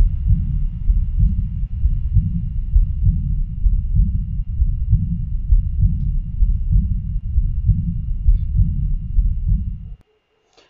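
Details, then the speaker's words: Aortic regurgitation murmur: low, almost continuous blowing murmur over a regular heartbeat, mainly diastolic, hard to confine to diastole because added systolic flow can make it sound continuous. "es porque en ocasiones este es un soplo insuficiencia aórtica el soplo insuficiencia aórtica puede ser como continuo"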